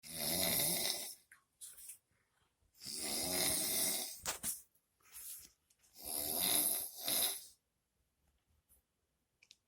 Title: Snoring 2